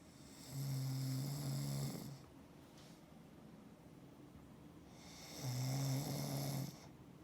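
Two low, droning snores on breathing in, separated by a quiet pause; snoring during sleep.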